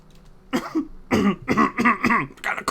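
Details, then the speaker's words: Adult gives a quick run of about five harsh, partly voiced coughs in a small, quiet room during a livestream, described as a really bad cough; repeated cough. "It's a really bad cough."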